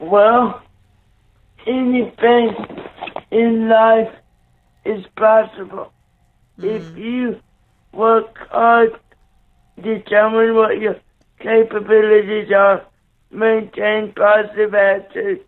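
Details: 27-year-old man with cerebral palsy after neonatal brain bleed and stroke, born three months premature, with right-sided paralysis, blindness and seizures, speaking slowly; dysarthria (cerebral palsy).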